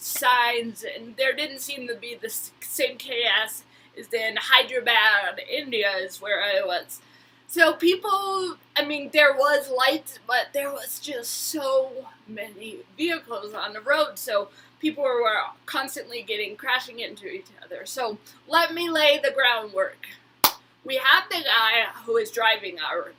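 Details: Woman with Huntington's disease who attends speech therapy, speaking; hyperkinetic dysarthria (Huntington's disease).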